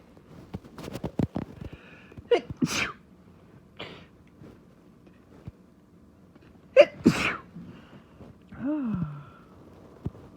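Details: Rapid sneezing fit: two forceful sneezes with sharp intakes of breath before each, then a sigh; quick breaths and sniffs in between.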